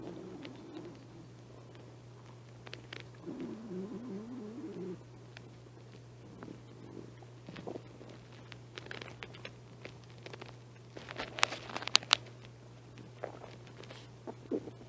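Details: Soft, brief gurgling rumbles over a low hum from the stomach of a person who has not been eating much lately. Stomach growling (borborygmi).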